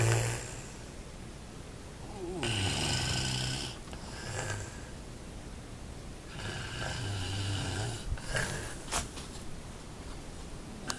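Low, rumbling snores with each breath in and softer breaths out, with steady background hiss; ordinary snoring during sleep.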